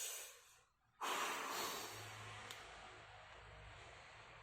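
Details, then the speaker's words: Simulated spirometry skills exam on a young man: nose closed, he inhales as deeply as possible, then after a brief pause blows a hard, rushing maximal forced exhalation into the spirometer that slowly tapers until his breath is fully emptied. "Tutup hidungnya, kemudian tarik napas yang sedalam-dalamnya dan juga hembuskan dengan sekencang-kencangnya ya Mas ya."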